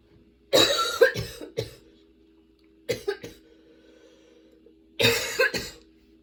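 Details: Person with a sudden, very long coughing fit that brought tears and kept worsening while they changed positions: three clusters of harsh, dry coughs in runs of two to four, about nine in all, with quiet gaps.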